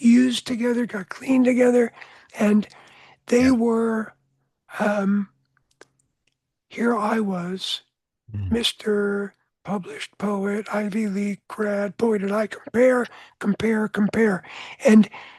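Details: Adult man with voice change after throat cancer treated with surgery, radiation and two years of experimental chemotherapy, with no recurrence since; voice change after throat cancer treatment.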